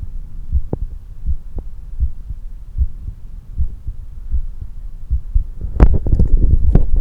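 Fast, regular heartbeats, roughly 150 to 190 a minute, with some handling noise near the end; normal heart sounds after exercise.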